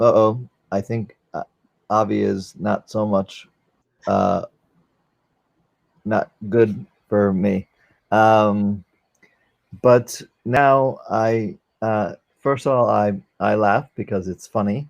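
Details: 44-year-old man, former NYC paramedic, with aphasia from a stroke during valve surgery, unable to use one arm; aphasia.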